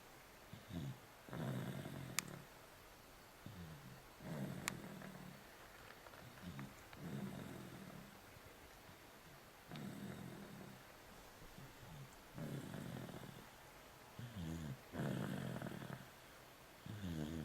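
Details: Snoring: repeated low, rattling snores on each breath, roughly 20 breaths a minute, with occasional small clicks in the background.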